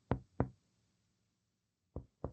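Four percussion taps down the side of the chest: the first two ring out with a hollow, resonant note, the last two are shorter and flatter. The change from resonance to dullness near the ninth intercostal space marks the upper edge of the liver, a normal finding.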